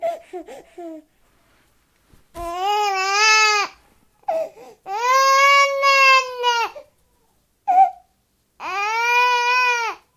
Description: Sound sample of a 10 month old baby crying.